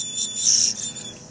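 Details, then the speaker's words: Ultrasonic scaler with cold-water spray removing light tartar above the gum line from the tooth crowns of an anesthetized dog with early periodontal disease: a thin, very high-pitched whine with faint hissing spray. "it's not a lot of tartar most dogs that I'm doing have way more this is an ultrasonic scaler"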